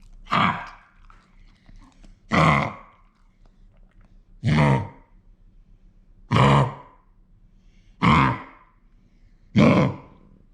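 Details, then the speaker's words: Yellow Labrador puppy, vaccinated against kennel cough, whose night-time coughing, initially mistaken for vomiting, led to an emergency vet visit: six harsh, honking cough bursts in about ten seconds; kennel cough. "No last night taco wake us out coughing we thought it was vomiting but it sounded terrible so at about 3:00 or 4:00 a.m. we took him playing emergency vet"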